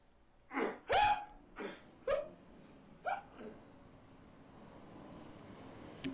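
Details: Man in his early twenties with tic disorder; involuntary, repeated vocal tic that makes daily and social life hard.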